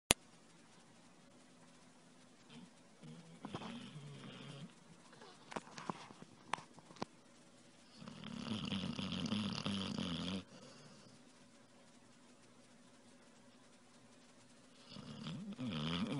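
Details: Soft snuffling breaths then a louder rattling snore on inhalation from a sleeping puppy; snoring.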